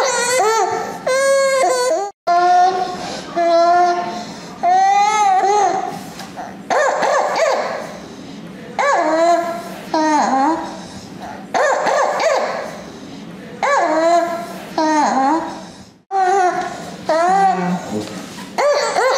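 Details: Distressed, irritable but alert 15-month-old child crying, with harsh noisy breaths drawn in between cries: inspiratory stridor from croup, in a clinical exam video.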